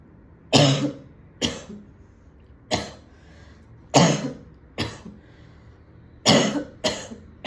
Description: I went to a party wearing a beautiful red dress and smoked a cigarette with my friends. When I got home, I was coughing like this.